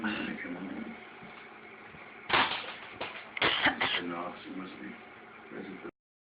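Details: Pet named Guido coughing and laughing: three or four sharp, harsh cough-like bursts amid voice-like laughing sounds in a small room; cough.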